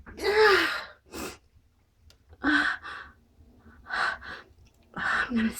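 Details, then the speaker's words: Pre-sneeze gasping: repeated sharp, voiced in-breaths and gasps in short pairs as the person says they are about to sneeze again. "gonna sneeze. Phew. I'm gonna sneeze again."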